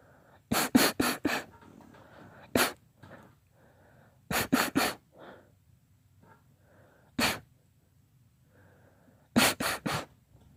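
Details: Girl's spontaneous, not induced, sneezing fit: about eleven sharp, explosive sneezes in quick clusters of one to four, with soft breaths between; sneezing.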